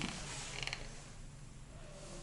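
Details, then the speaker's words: Child with special needs during rehabilitation, mother notes he had not ground his teeth for a long time and has started again: brief dry, gritty squeaking and clicking, teeth grinding (bruxism). "услышите опять скрипит зубами давно не скрипел сейчас начал скрипеть"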